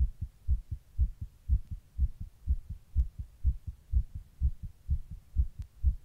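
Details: Heart recorded while sitting in 100-degree heat during a heatwave: regular, deep, thudding heartbeats at about 120 a minute, a fast heartbeat.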